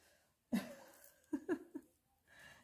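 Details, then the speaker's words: Faint snorting, grunting breathing from a small shih tzu in its basket; the owner says it breathes noisily, suspects a soft palate problem and too-narrow nostrils, and plans surgery once it reaches adult size. "alors si vous entendez un ronflement ses piles ou qui ronfle 1 c'est mon petit shih tzu il est juste à côté de moi dans son panier"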